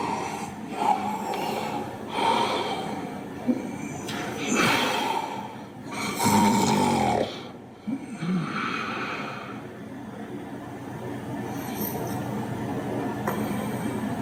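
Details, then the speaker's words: Real recording of obstructive sleep apnea: loud, irregular, more active snores with a snort, followed by an apneic pause of silence, unlike continuous simple snoring. "so that's what that would sound like where it's a lot more active it's a lot more louder and then is followed by a period of Silence that's what it sounds like"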